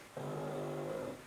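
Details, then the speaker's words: A resting pug lying under the microphone gives a single steady, low, droning breath sound lasting about a second. Snoring. "Nie wiem, czy słyszycie, jak Gacuś chrapie. To jest już tradycja w tych filmach, że jak ja nagrywam, to Gacuś kładzie się tutaj pod mikrofonem"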